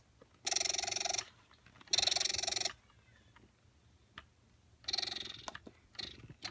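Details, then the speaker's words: A Medela Freestyle breast pump running in letdown mode, then expression mode, with rapid rhythmic mechanical whirring bursts and pauses between. Its tubing and flanges may not be against skin, which would make it louder. "breast pumps back-to-back to let you see how their noise level compares first I'm going to show you the medulla freestyle and it will start out in the letdown mode the expression mode"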